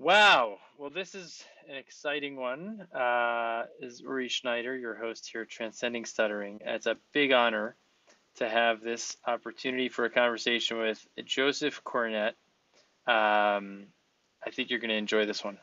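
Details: Adult male speaker; typical speech.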